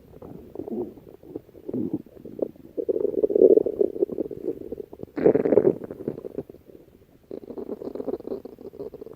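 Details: Stomach growling, in a recording with music. Stomach growling (borborygmi).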